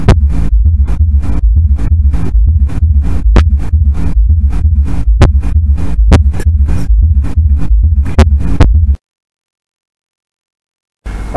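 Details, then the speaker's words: Fourth heart sound (S4 gallop) in a teaching clip, caused by reduced compliance of the left ventricular wall and always pathological: regular low heart sounds with an extra soft thud just before the first sound. "بس اذا اكو كونديشن تسوي تاثر على الريزيلينس على المرونه والكامبلاينس المطاوعه مالت اللف فنتركل وول راح تعطيني فورث هارت ساوند. فلذلك whenever there is a fourth heart sound there must be a pathology."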